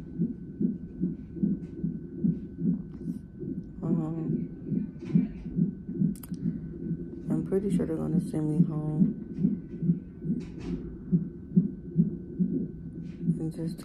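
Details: Fetal heartbeat on a hospital fetal monitor in labor and delivery triage at 34 weeks of pregnancy, with the mother in sharp pain and pressure and possible labor: rhythmic whooshing pulses about 143 a minute, described as very good and strong, with faint music and voices.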